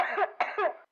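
Two quick harsh cough bursts from an adult, acted as a demonstration of coughing.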